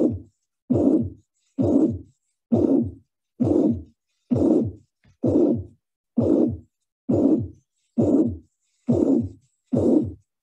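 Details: Teaching recording: first three beats normal, then the murmur is added; regular heartbeat near 67 a minute with a blowing, harsh murmur filling systole; mitral regurgitation.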